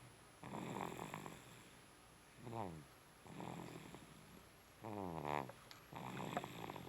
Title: 01-snoring like daddy